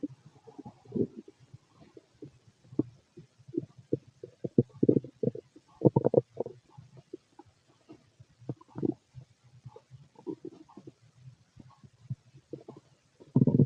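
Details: Fit adult male: frequent gurgling, bubbling stomach rumbles in irregular bursts; normal bowel sounds (borborygmi).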